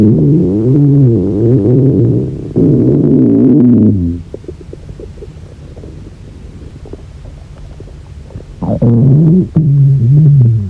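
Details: Hungry girl's stomach growling from hunger: loud, long, wavering groaning growls with gurgling between them; borborygmi.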